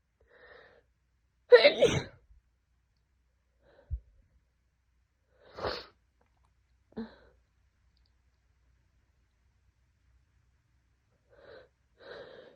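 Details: Loud explosive sneeze, then a few smaller sneezes and sniffs, from someone with a heavy head cold for two days who cannot stop sneezing and whose nose feels like it is burning.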